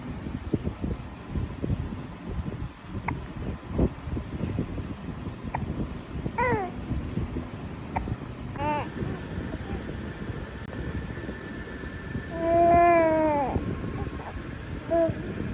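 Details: A few brief, soft, tuneful vowel coos from a 3-month-old baby over steady low background rumble: infant cooing.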